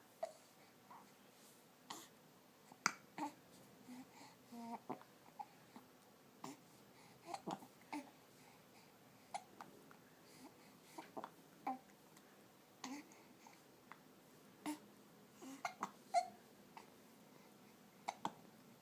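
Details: Infant hiccups while smiling: quiet, short, repeated catching sounds at irregular intervals, with soft babbling between them.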